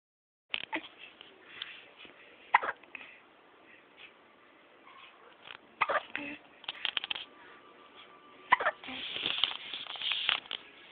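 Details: Short, sharp, repeated gulping bursts every few seconds in a quiet room, about four or five in all; hiccups.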